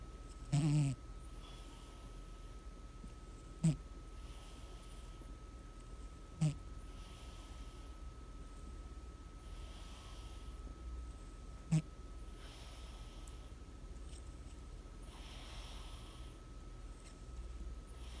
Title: Snoring Cat Monu🐱Caught Him Snoring Last Night🐱😊